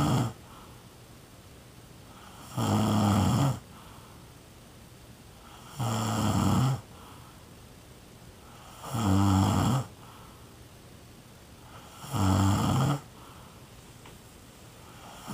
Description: Somebody I know that is snoring. I cannot say who..